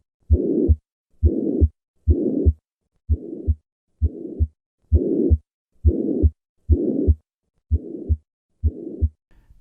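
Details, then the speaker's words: Ebstein's anomaly: malformed tricuspid valve displaced down into right ventricle causing tricuspid regurgitation; slow heartbeat with harsh pansystolic murmur at lower left sternal edge, increasing with inspiration (respiratory variation). "listen to a patient with tricuspid regurgitation this murmur is due to a malformed tricuspid valve which is displaced downwards into the right ventricle"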